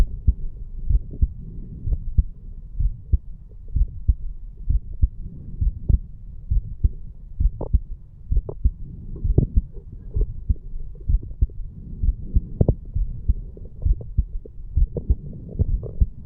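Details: A 34-year-old male after the farmer's walk exercise, recorded at the mitral (bicuspid) valve area: strong, distinct lub-dub beats with some rubbing noise; normal heart sounds after exercise.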